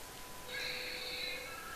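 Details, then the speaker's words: Simulated newborn cry from a birthing simulator in a skills-centre demonstration: a thin, steady electronic wail imitating the first cry after delivery, as the baby is placed on the maternal abdomen. "You can hear the baby's cry also, baby is crying. So baby is delivered."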